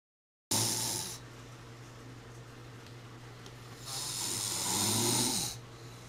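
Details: Snoring in a person who reports obstructive sleep apnea: two long, loud, rough breathing noises with a steady low rumble in between.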